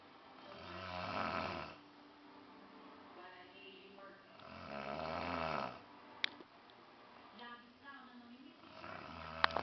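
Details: An uncle filmed while asleep, snoring with rough, rattling sounds on each breath, about fifteen breaths a minute, with quieter noises between them; ordinary snoring.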